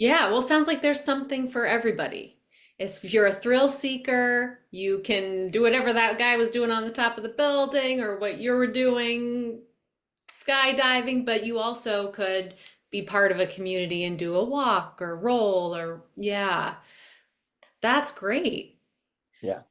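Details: Adult woman speaking; typical speech.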